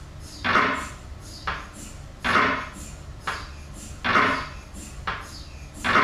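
Loud repeated knocking bursts about every second, roughly 33 a minute, in a room: the gradient knocking of an MRI scanner.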